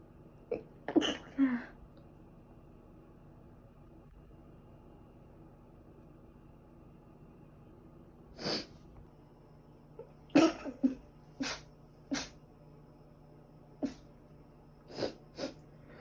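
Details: Sneezing probably from dust allergy, with a recent cold causing ongoing cough and runny nose: about nine short, sharp sneezes in sixteen seconds, some in quick pairs, over quiet room hum.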